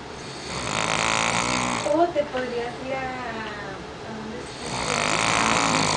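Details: Sleeping snoring: two loud, rough snoring breaths with a brief pause between, with faint talk or music in the background.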